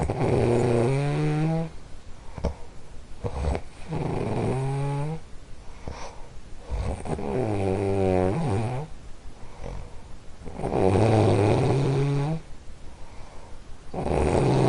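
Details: Household snorer asleep: loud, regular rattling snores on each breath in, with quieter breaths out, about four snores heard; snoring.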